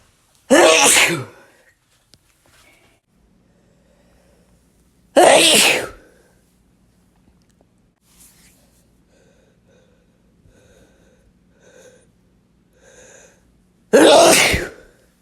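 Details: Sneezes from a compilation: three loud, sharp sneezes with quiet pauses and faint background sounds between them.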